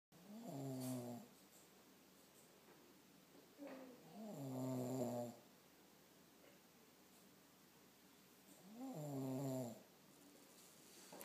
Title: Daddy & Baby Snoring Together